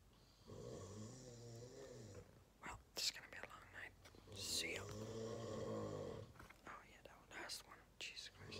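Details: Dad snoring like an engine every night: loud, low, buzzing snores on each in-breath with sputtering breathy sounds between them during sleep.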